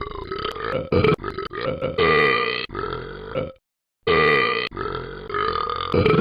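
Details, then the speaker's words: Deliberately produced run of loud, long, rumbling burps with brief pauses between them, shown as a demonstration of "the loudest burp in the world"; burping. "want me to show you the loudest burp in the world first of all this is how to do it"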